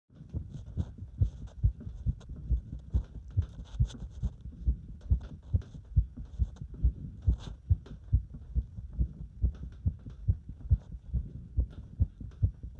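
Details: Heart sounds during step-up exercise: fast, regular heartbeat thumps at about 140 a minute with faint rustling; normal heart sounds sped up by exertion.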